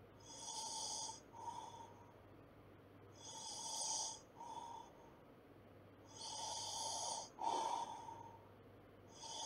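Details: Loud rattling snores on the in-breaths with quieter snorts between, about 20 breaths a minute; ordinary snoring.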